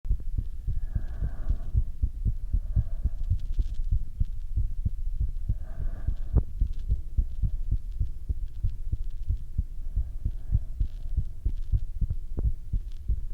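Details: Own heartbeat recorded through a stethoscope: steady, low heart thumps with soft breath sounds rising and fading in the background.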